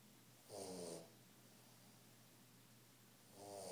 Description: This is Brutus, our 3 Months Old English bulldog snoring while sleep.